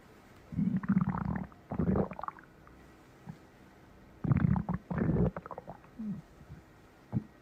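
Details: Close-up recording of a stomach growling: low rumbling gurgles in several bursts, ordinary borborygmi from gas and fluid moving through the gut.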